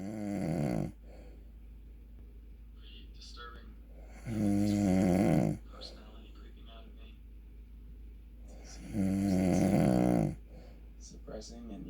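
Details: Adult man (father) asleep: loud, rough inspiratory snores about every four to five seconds, roughly 13 a minute, with quiet pauses; snoring.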